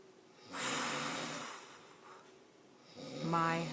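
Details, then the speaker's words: Adult husband asleep sitting on a couch at 6:55 p.m., snoring loudly with his mouth open: a long, harsh, breathy snore, then a shorter snort with a voiced tone; snoring. ""6:55 p.m. and he's sitting on the couch, snoring loud. Listen. With his mouth open."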